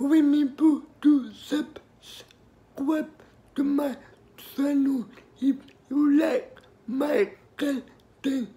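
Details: Adult speaker; dysarthric speech in cerebral palsy.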